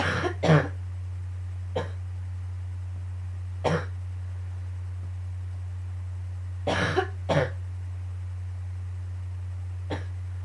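Repeated harsh cough bursts, some in quick pairs, about seven over ten seconds, over a steady low hum; a morning coughing fit.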